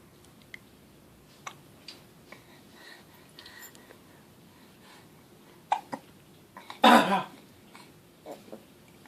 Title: Fake Coughing